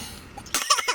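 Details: Harsh coughing burst after quiet room noise, from inhaling cannabis smoke; cough.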